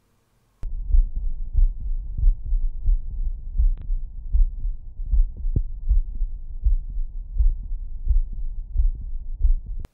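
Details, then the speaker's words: Self-recorded heart sounds of a second-year medical student via a Bluetooth stethoscope (Stemoscope) over the mitral area in complete-frequency-response mode: low muffled heart sounds at about 85 a minute; normal heart sounds. "so I'm just going to go back to my mitral valve again but we're going to put it on the diaphragm though just so you can hear the difference in how it sounds and then lastly I'm going to do it on the complete frequency response mode"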